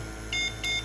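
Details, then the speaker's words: Oxy-med portable oxygen concentrator (2 kg, pulse mode 1–5 L/min) switched on while charging on AC, with no nasal cannula or breathing user attached: two short high-pitched no-breath alarm beeps over a low machine hum. "still there is an alarm which indicates there is an absence of breath. Whenever you will connect the nasal cannula and someone is there to take the breath, the alarm will goes away from here."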